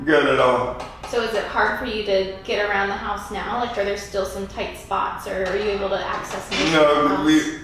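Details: Adult woman interviewer; typical speech.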